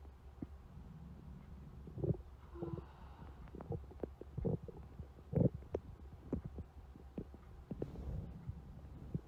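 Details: Stomach growling: irregular soft gurgles, pops and brief rumbles over a low hum, ordinary bowel sounds (borborygmi).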